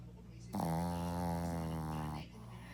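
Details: Sleeping pet: one sustained, buzzing, tonal breath lasting under two seconds; a single loud snore.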